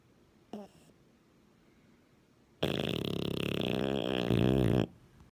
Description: French bulldog snoring